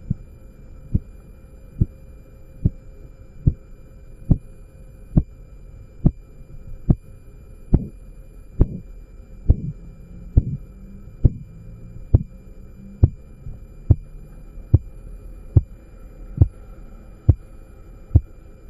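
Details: Korotkoff sounds heard by stethoscope during a practical blood pressure measurement with a zeroed manometer as the cuff deflates: regular sharp tapping at about 68 a minute.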